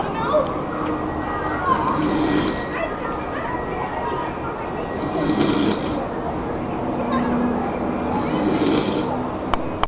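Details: Two sleepers snoring: soft, rhythmic snoring breaths repeating about every three seconds over steady room noise.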